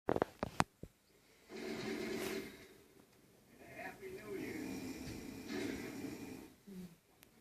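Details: Snoring in sleep: two long rattling breaths through the nose and throat in a quiet room, with a few clicks at the start.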